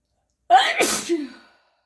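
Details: Deliberately recorded human sneezing: a single sneeze, a quick voiced intake, then a sharp hissing burst trailing into a short vocal tail.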